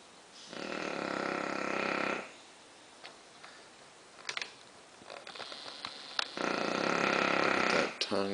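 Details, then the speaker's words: Female Bulldog asleep after a tiring day, laid out with her tongue hanging out: two long, loud, rattling snoring breaths with quieter snuffles between them, typical of a short-nosed dog's noisy sleep breathing; snoring. "Kind of hard to hear the TV over this, but it is comforting to know that she's here."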